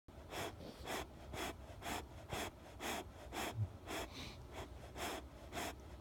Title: Snoring 3